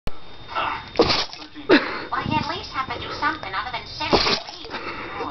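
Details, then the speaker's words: Several short explosive sneezes in a row, about three in five seconds, with a nearby voice asking why so much sneezing; cause unknown; sneezing. "How come you're sneezing so much? Do it again."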